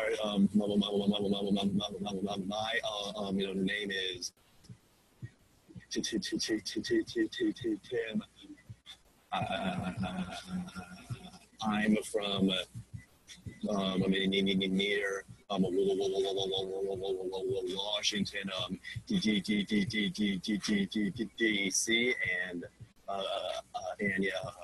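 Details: Adult male graduate student who describes his stutter as really severe, introducing himself to a class with blocks and fillers; stuttering.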